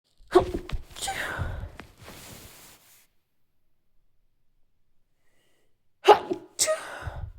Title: I feel a lot of tickling! Sneezing